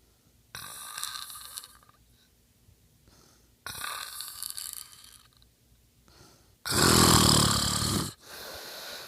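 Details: A man recorded asleep at night, snoring that his bed partner hears every night: loud rattling snores with quiet pauses between breaths, the last one harsher and louder; ordinary snoring.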